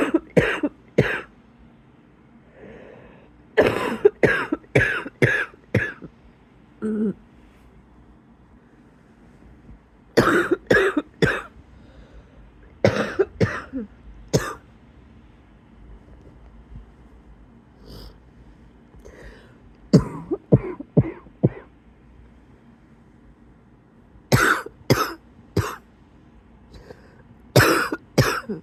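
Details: Repeated bouts of harsh adult coughing in bed on waking, with a faint whistling, wheezy edge between bursts: wheezy cough.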